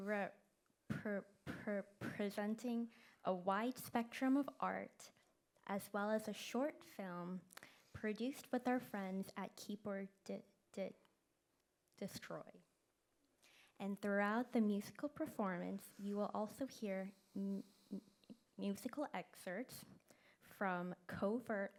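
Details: Event co-host who stutters, speaking live; stuttering with prolongations, repetitions and blocks.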